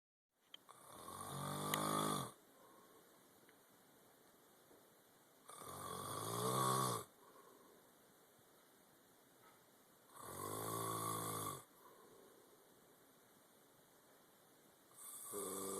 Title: Dad snoring